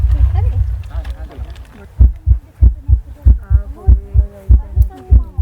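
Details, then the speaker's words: A visitor's heartbeat is sensed through a hand sensor at an interactive light installation and played back as deep, regular amplified thumps at about 97 a minute: heartbeat. "heartbeat sense করছে, নিশ্চয়ই আপনারা হার্টবিটের আওয়াজ শুনতে পাচ্ছেন।"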